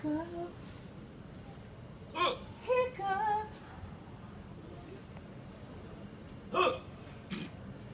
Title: Mr. Hiccup Guy